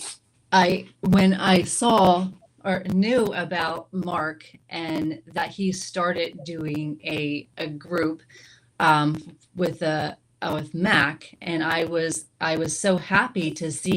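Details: Woman with stroke-related aphasia, a member of an aphasia support group, whose speech shows word errors; aphasia.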